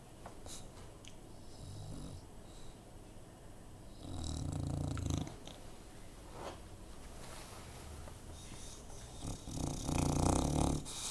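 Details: Low rumbling snore bursts from a sleeping female bulldog, some loud and rattling, against room noise; she is sometimes very loud; snoring.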